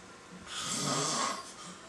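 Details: A person snoring, recorded 12/25/07: a single breathy, rasping snore on an inhaled breath, rising and then fading, with quiet room noise; snoring.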